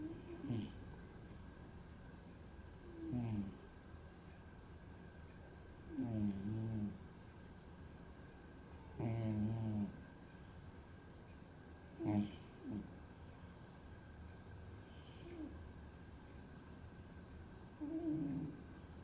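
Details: Snoring of the owner's own sleeping cat: soft rhythmic snores about 21 a minute, each with a faint rattle, over steady room hum; harmless.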